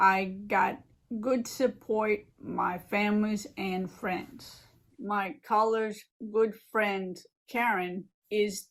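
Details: Adult who had a stroke 15 years ago and lives with aphasia and apraxia, speaking in a recorded presentation; aphasia with apraxia of speech.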